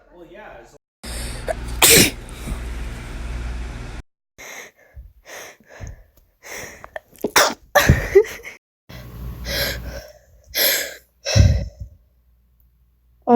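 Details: Several sharp sneeze bursts among breaths and nearby talk, with some background noise: sneezing.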